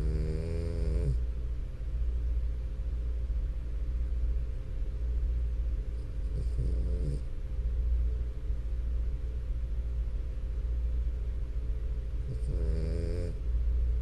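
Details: Sleeping French Bulldog, brief rattling snores about every six seconds over a steady low hum; snoring.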